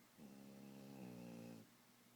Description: My puppies are so sleepy, and Charlie started snoring-3